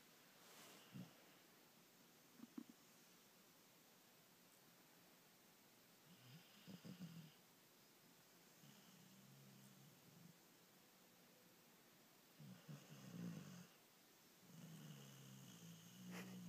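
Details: Izzy, a male dog, asleep in a quiet room: soft, low, irregular snorting snores, about four or five breaths heard; ordinary snoring.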